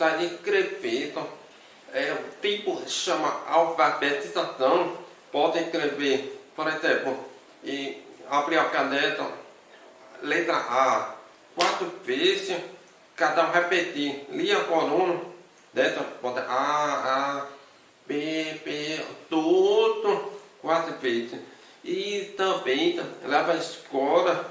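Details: Adult man with hearing loss from birth; deaf speech (congenital hearing loss).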